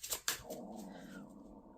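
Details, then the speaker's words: Adult's audible stomach growling (borborygmi): two soft clicks, then a low gurgling rumble with a faint rising squeak. "do you hear that that's my stomach growling I apologize for that after this reading I must go get some how embarrassing"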